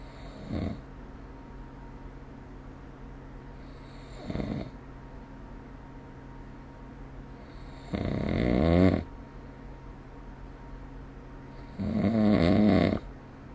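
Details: Snoring in a sleeping adult recorded with the SnoreLab app: loud rattling snores alternating with softer breaths, roughly 8 breaths a minute.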